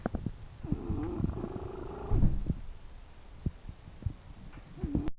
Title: My English bulldog "Chester" snoring!